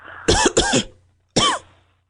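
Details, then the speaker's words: Three sharp acted coughs from an adult caller on a comedy podcast phone-in, two close together, then a pause and a third; cough, simulated. "It sounds like you're having a coughing problem. Are you all right?"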